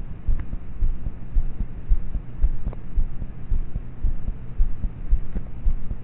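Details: Quiet, muffled heartbeat at about 56 beats a minute through a low hum, self-recorded at about age thirteen (estimated) at night in bed with a cheap mp3 player's mic; normal regular heart sounds.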